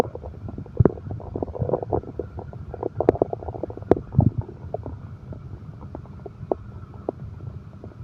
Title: insomnia terapi ( sound heartbeat and stomach growl)